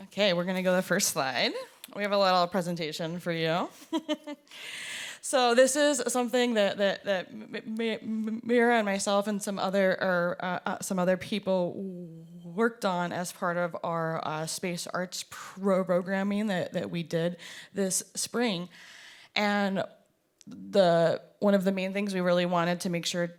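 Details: Performer who stutters, with audible part-word repetitions; stuttering.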